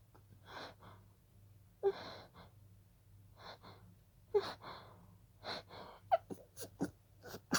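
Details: Stifled sneezing fit that began as a pollen allergy: about ten breathy, gasping inhalations and short muffled sneeze bursts in quick succession.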